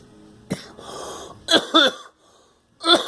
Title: Me and girl coughing